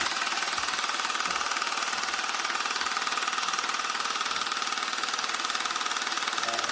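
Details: Rapid, steady mechanical tapping of about three pulses a second from a handheld at-home low-intensity shockwave device marketed for erectile dysfunction, run by a man on himself; shockwave therapy device operating.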